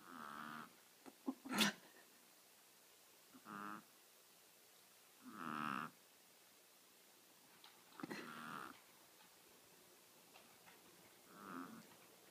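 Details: Snoring, reported loud, from a 6-year-old female teacup Chihuahua weighing about 3.5 lb, asleep: short, nasal, whistly snores every two to three seconds with clicks and snuffles in a quiet room.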